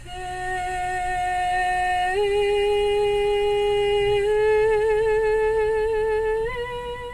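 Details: 15-year-old female singer with impaired singing; vocal cords far apart posteriorly, causing audible air leak. Muscle tension dysphonia with breathy voice.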